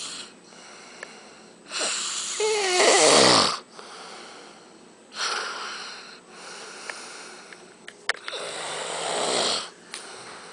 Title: snoring